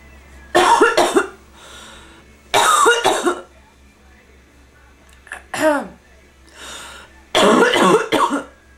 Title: BEST EVER- Bronchitis Coughing